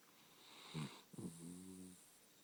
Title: My chiweenie snoring